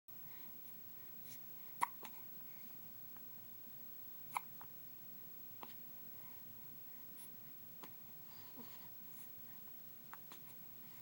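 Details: Hiccups in a person: brief, sharp, quiet catches recurring every few seconds, about eight in the stretch, over faint room noise.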